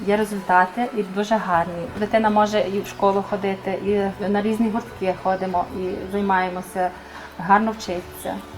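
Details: Adult woman; normal speech.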